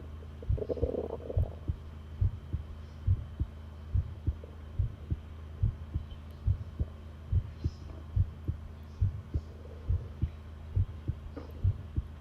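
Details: Long continuous heart-sound recording: regular low thumping heartbeat at about 70 beats per minute over a steady hum; normal heart sounds.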